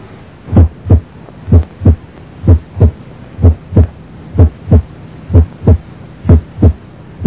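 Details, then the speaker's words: Normal heart sounds, narrated as heard at the heart base: regular lub-dub at about 63 beats a minute, normal first and second sounds with no added sounds, from a teaching recording. "A và đây là tiếng tin bình thường người ở đáy tim"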